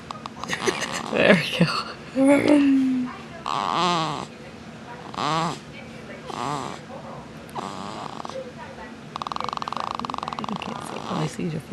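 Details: Baby snoring while asleep, described as growling and "revving": repeated short grunting, rattling snores with quiet gaps and a longer buzzing snore near the end, with a voice early on; snoring.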